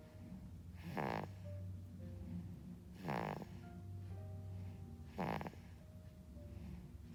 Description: Baby snoring funny video. Try not to laugh seeing this!!!